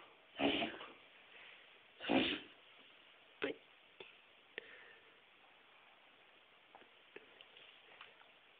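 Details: Dog with reverse sneezing: two loud, harsh snorting inhalations, then a few short sniffs that fade out, said to stop when the nose is pinched to make it mouth-breathe.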